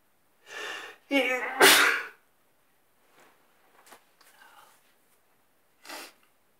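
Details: Single loud, slightly wet sneeze in bed in the morning, preceded by a sharp inhale and voiced build-up, followed by soft sniffs and a brief breath.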